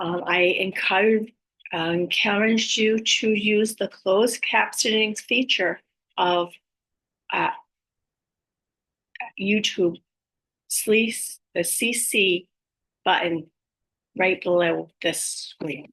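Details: Aphasia with apraxia of speech in a woman after a stroke at age 58; she reports her speech is sometimes hard to understand, with repeated words and sometimes wrong words.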